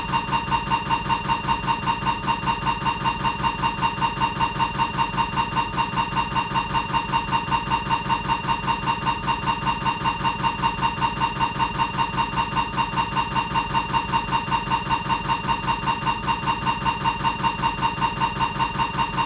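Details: Siemens MAGNETOM Lumina 3 T MRI scanner during an abdominal diffusion-weighted sequence: loud, steady, rapid mechanical knocking at about 150 pulses a minute with a buzzing tone.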